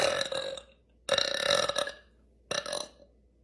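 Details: Girl burping on purpose after practicing: three loud, drawn-out voiced belches in quick succession.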